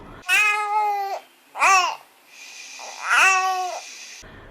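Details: Three short, whiny fussing cries from an infant with a steady background hiss, the drawn-out whimpering of a tired, sleepy baby; a tired (sleepy) cry.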